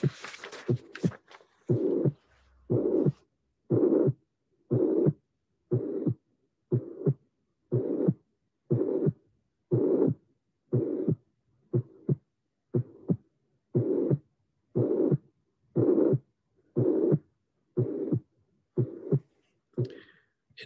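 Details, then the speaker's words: Teaching recording: regular heartbeat near 60 a minute, each beat carrying a rough systolic tricuspid regurgitation murmur whose loudness waxes and wanes cyclically with breathing. "So without my comments, but one after the other, I shall show you now again the tricuspid regurgitation cyclic variation, and then the tricuspid stenosis cyclic variation."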